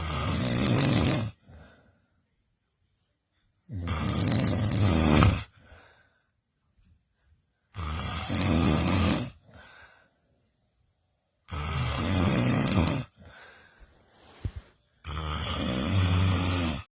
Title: Loudest Snoring Ever!